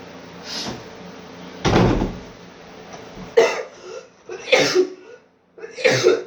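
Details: An adult coughing during a COVID-19 illness: several harsh, forceful coughs with pauses between them, over background music.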